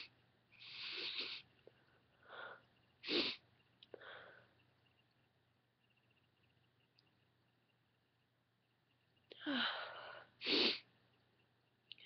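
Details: Woman's breathy build-ups leading to a series of sharp, forceful induced sneezes with quiet sniffing between, becoming very intense toward the end; quiet room. Induced sneezing.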